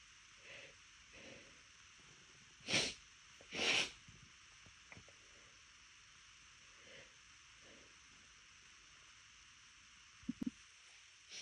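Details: Two stifled sneezes from a failed attempt to hold them back, with soft breaths before and between them, then a quiet clicking near the end.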